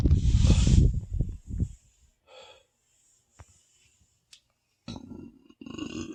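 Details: Belching after a very large meal of pasta, about 15 meatballs, cake and ice cream; deep, low rumbling burps, one long and several shorter, with quiet gaps between them.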